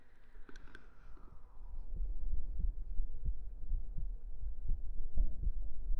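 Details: Close-up ASMR recording of an adult heartbeat: dull low thumps recurring steadily in paired beats after a brief rustle at the start.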